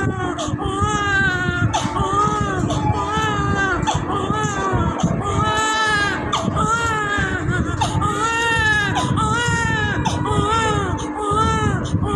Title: One day old baby crying/Cute baby vlog